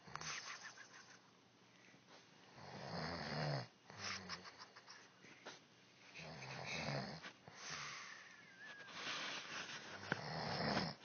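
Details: Adult woman (wife) asleep: slow, irregular snoring with rough, rattling breaths, some with a whistling edge, about 16 per minute; snoring.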